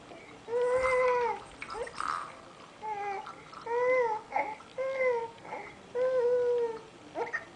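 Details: Infant girl fussing and hiccuping: repeated fussy, wailing cries with short breaths between, a frustrated cry over hiccups.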